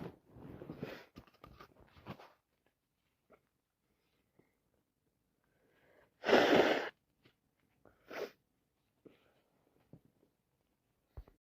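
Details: Several sneezes in a row during a cold, with a loud forceful burst and sniffling between them; non-stop sneezing.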